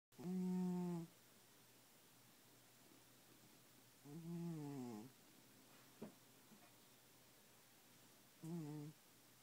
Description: My 14 year old cat sounds like an 84 year old man sleeping